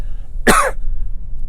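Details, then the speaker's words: Adult coughing during a livestream, says he has had the cough since January: a single short, forceful cough over low steady background hum. "lot of people have felt alone cut off and isolated i know i'm i'm coughing i sound like i sound great i sound like but i've had this cough since uh january"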